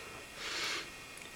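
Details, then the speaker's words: A single short, hissing sniff through the nose as a snore remedy is breathed in deeply before sleep, meant to prevent snoring. "this is the snore stuff but dan believes in so much you pick it up and you breathe it in big deep breaths"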